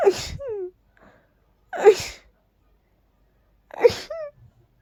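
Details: Dust allergy sneezing: three sharp sneezes, each trailing into a high squeaky note.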